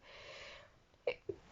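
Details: Woman sneezing while reading a story aloud: soft breath in, then a quick, quiet two-part sneeze in a small room.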